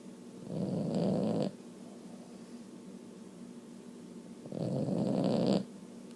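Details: Snoring from a sleeping female Boston Terrier who rarely snores but is usually this loud or louder when she does; two long, rough, rattling snores about three seconds apart.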